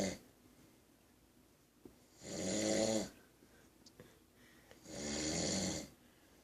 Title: My uncle snoring